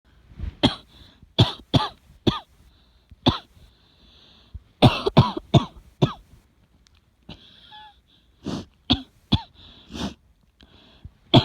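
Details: An adult with a cough tagged as asthma or pneumonia coughs about fourteen times in short, forceful bouts, with a faint steady whine in the background.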